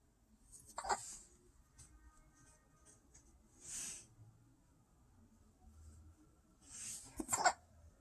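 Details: Baby boy hiccuping during tummy time while lying prone and trying to lift his head and push with his feet: soft, sudden catch-like bursts with faint sounds between them in a quiet room; hiccups.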